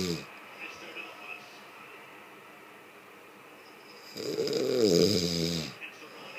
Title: Snoring person